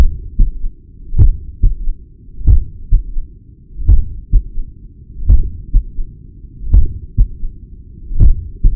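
Slow, steady heartbeat of about 43 beats a minute, each beat a firm thump followed by a softer one, with a low rumbling hum between beats. At the apex this is a third heart sound with a murmur, pointing to abnormal filling or flow in the heart.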